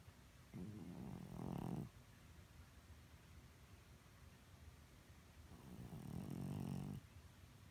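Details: Senior cat who has snored her whole life, never congested, vet considers her okay: two loud rumbling snores about five seconds apart while sleeping.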